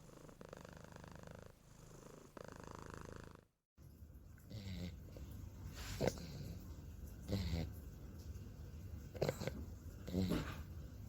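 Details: Sleeping English bulldog snoring: low rumbling snores broken by several louder, funny snorting, sputtering bursts.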